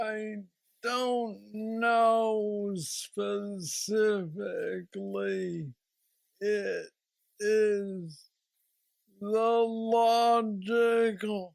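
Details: Man aged 46 with aggressive Parkinson's disease diagnosed at age 35, treated with a deep brain stimulator implant after two years; real patient with Parkinsonian speech (hypokinetic dysarthria).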